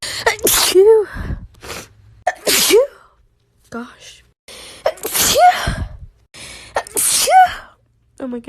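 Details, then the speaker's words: Four forceful sneezes in quick succession, each with a sharp intake and loud burst, between gasps: a hay fever sneezing fit with a blocked nose and itchy eyes. "Just sneezed about 25 times in a row. Summer is probably the worst time of the year for hay fever, right?"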